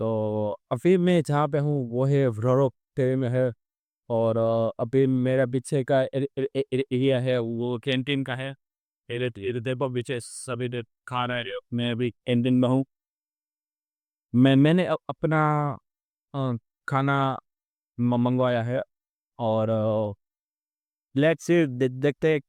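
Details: Real stuttering in an adult male on day 27 of a stammering-control journey, after about four to six months of practice, speaking live in a ferry canteen during real-time practice; a background-voice-removal filter changed his original voice.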